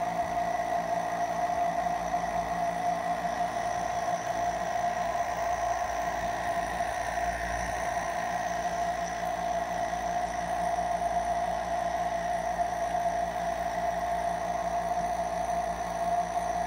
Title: A short nebulizer sound